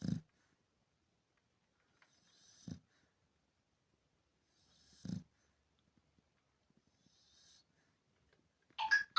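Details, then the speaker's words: Sleeping Chow Chow dog: soft hissing breaths, each followed by a low rattling snort about every 2.5 seconds, then a brief louder sound at the end; snoring. "Вы когда-нибудь слышали, как храпит чау-чау? Сейчас вы это услышите."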